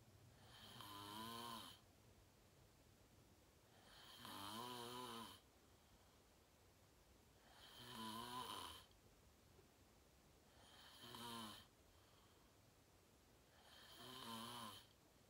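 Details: Loud, regular snoring during deep sleep after falling asleep fast at 8:45: snores about every three seconds, roughly 18 a minute, with quiet breathing between them.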